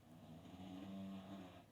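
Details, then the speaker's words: A single drawn-out, low, rumbling snore with a steady vibrating buzz, from a dog snoring loudly in a quiet indoor room. "okay breaking the action because daisy is killing me with the snoring"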